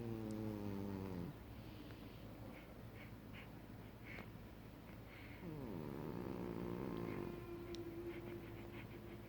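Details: Sleeping cat with a stuffy nose snoring: slow, whistling, nasal snores rising and falling with breathing; congested snoring.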